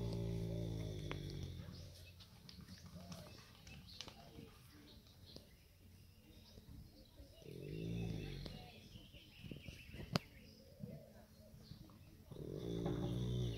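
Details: Slow, loud, rumbling breaths in and out with a rough vibrating quality, a few seconds apart, from a horse napping outdoors after an intense ride, birdsong behind; snoring.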